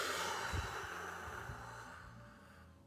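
A long, steady blown exhalation fades over about two and a half seconds before a voice cuts in, demonstrating pursed-lip breathing.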